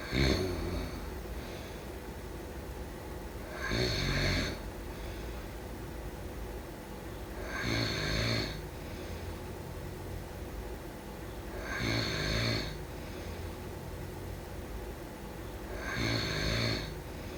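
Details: Snoring during sleep: five regular rough snores on inhalation, about 15 per minute, with quiet breathing between and steady room hum.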